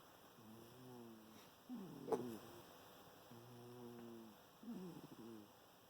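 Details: Soft rhythmic snoring with low droning breaths alternating with brief snorty bursts in a quiet room.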